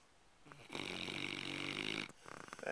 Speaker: it's really tired he's snoring lab he's part motorboat it's really hard working motor scooter